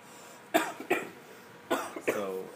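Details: Acted EMT scenario: adult man with an asthma attack for 10 minutes, started while running, slight wheezing, pulse 96: two pairs of short, harsh coughs with a little room noise.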